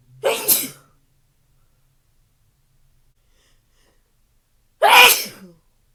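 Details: Hitching sneezes: two separate explosive sneezes, each with a short catching intake before the burst, a few seconds apart in a quiet room.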